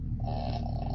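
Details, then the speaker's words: Dog (possibly a King Charles spaniel) snoring while asleep during a video call, described as demonic-sounding: a low, rough, rumbling rattle, steady throughout. "Sorry if you can hear my dog snoring. That's awesome. It's a great sound. It's very demonic."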